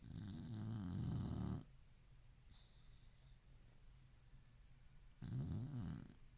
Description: Ruby, our senior boxer, in a deep sleep, snoring along, lost in a dream!